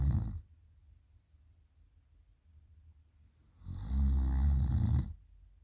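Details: Girl snoring loudly at night: loud, deep, rattling snore on the in-breath, with quiet pauses between breaths in a small room; heavy snoring.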